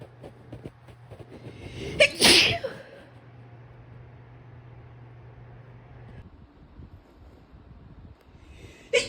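A single loud, sharp sneeze with a quick intake before it, then quiet room noise; an ordinary sneeze.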